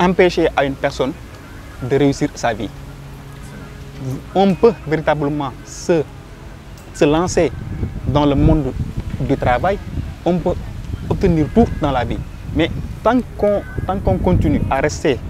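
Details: Young Senegalese man who stutters, speaking French: stuttering.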